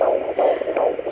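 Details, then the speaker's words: Pocket fetal Doppler at home at 17 weeks pregnant, used with generous gel: fast rhythmic whooshing galloping pulses, fetal heartbeat at roughly 150 a minute. "so here you get you got it guys a galloping sound"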